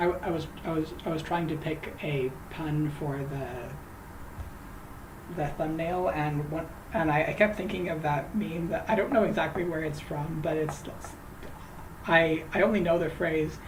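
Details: Adult who says they stutter, particularly on certain names; trying to say a name; stuttering.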